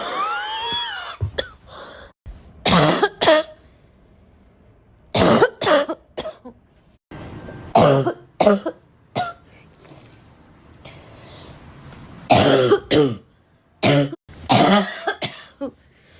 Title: i really love my own cough… is that normal?